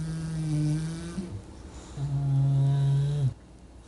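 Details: Sleeping English Bulldog snoring: deep, droning snores, each a sustained low buzzing tone; loud snoring.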